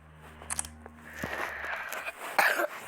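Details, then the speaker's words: A single short, harsh cough from a child with a cold and cough, recorded while playing a video game in a small room, with clicks and faint game sounds around it. "Sorry kalau aku batuk ya."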